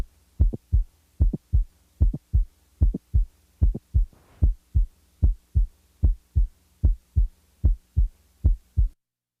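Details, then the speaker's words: Simulated regular heartbeat about 75/min with a high-frequency mid-systolic non-ejection click; click introduced in early beats, then withdrawn. "the click will move closer to the first sound when volume to the ventricle is reduced as occurs in standing or the valsalva maneuver when ventricular volume is increased as in squatting or bradycardia the click will move farther from s1"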